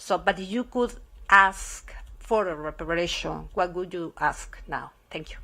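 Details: Adult woman speaking; Normal speech.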